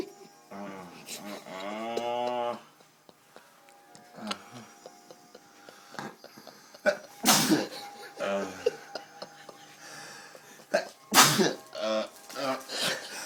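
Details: Drunk man sleeping with objects inserted in his nostrils: a few sharp, explosive sneezes mixed with groaning vocal sounds over background music; sneezing.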